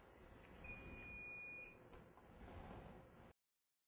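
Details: DeRoyal Prospera Pro negative pressure wound therapy pump, closed-system alarm signalling an occlusion, kinked tubing or a closed clamp in the line: a steady high electronic alarm tone lasting about a second over a low pump hum.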